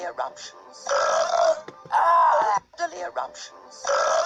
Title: Burps compilation 48